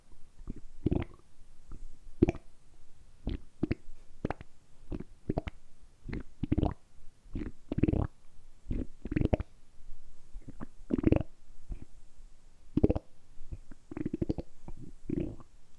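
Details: Deliberately produced stomach rumbling by an adult man, recorded close; repeated low gurgles and squelching rumbles in quick bursts, ordinary bowel sounds (borborygmi).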